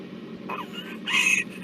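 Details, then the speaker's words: Difficult airway patient shown in a tracheostomy care session of a neonatology service: two harsh, high-pitched whistling breaths over steady room hum, stridor from a narrowed upper airway. "porque este paciente es un paciente difícil, porque con la dificultad que tiene, lo vuelvo a poner así le escuchan el estridor."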